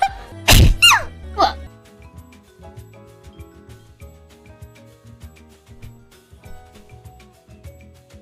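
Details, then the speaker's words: Exaggerated loud sneeze with rising and falling vocal sweeps, from a sneeze compilation, followed by repeated French apologies ("pardon, excusez-moi, j'ai éternué") over background music; sneezing. "pardon excusez-moi pardon pardon exusez-moi éternué oui j'ai éternué vous avez entendu"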